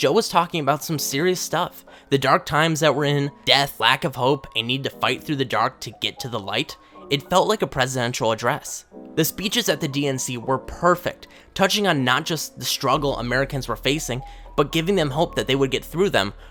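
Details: Adult male speaker; normal speech.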